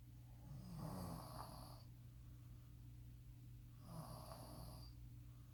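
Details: A father and son snoring loudly while asleep on the last night of a trip: two soft, rattling snores over a steady low room hum.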